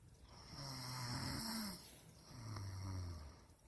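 Two loud, low rattling snores on breathing in, with a quieter pause between them. Ordinary snoring.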